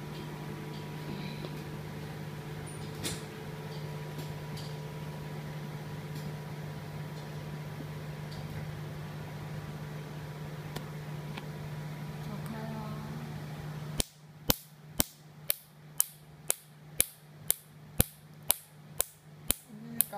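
Steady room hum, then a run of sharp snapping clicks at about two per second: Q-switched laser pulses firing during tattoo or freckle removal.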